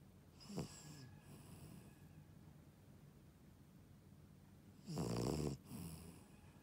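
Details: Shih tzu dog: two rough, low snoring breaths with quiet breathing between them, in a quiet room; ordinary snoring.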